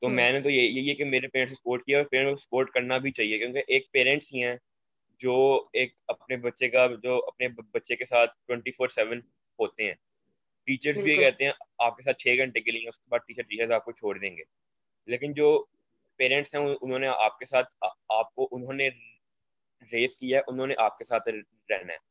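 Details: Stuttering in a young man who stammers, a guest on a stammering awareness panel, with repeated words.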